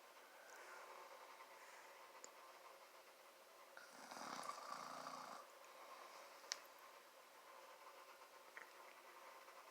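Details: Adult man (father) asleep: one low, rattling snore in about ten seconds of quiet room noise; ordinary adult snoring during sleep.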